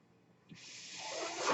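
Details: Breathing sound of the speaker's own mechanical ventilator during speech: after a brief quiet, a soft airy hiss starts and steadily swells in loudness as a breath is delivered.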